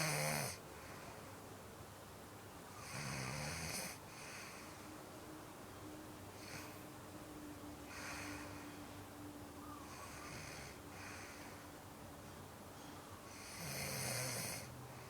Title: My Sister Snoring!